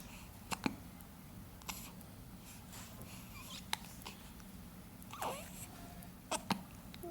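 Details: Brief sharp clicks and small jerky sounds repeating irregularly over room noise; hiccups.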